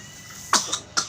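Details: Child coughing while eating crackers: two brief sharp coughs after a quiet stretch.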